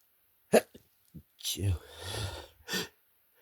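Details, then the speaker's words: Person deliberately holding back sneezes, reporting strong, itchy urges: short, muffled bursts with held-in breathy sounds between them; stifled sneezes. "Try to hold my sneezes instead. She used to stifle them."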